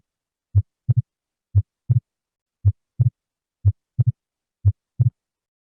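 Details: Normal heart sounds for medical-student auscultation review: steady heartbeat at about 60 per minute, crisp first and second sounds, nothing heard between them.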